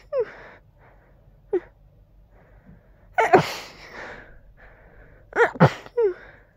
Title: Quiet congested stifled sneezes